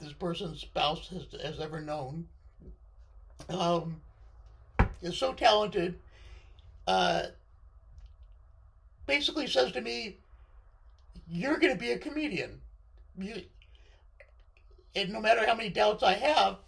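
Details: Male speaker with left-sided vocal cord paralysis following surgery, which limits his voice control; vocal cord paralysis.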